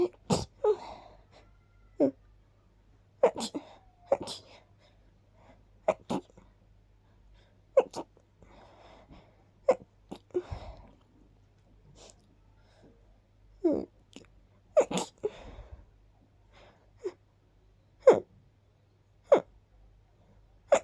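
Around twenty quick, soft sneezes in rapid succession with brief pauses; repeated sneezing.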